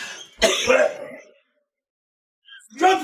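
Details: Adult man who has been smoking a cigar and coughing a lot, saying he is not sick: a harsh throat-clearing cough, then a pause and the start of another clearing sound.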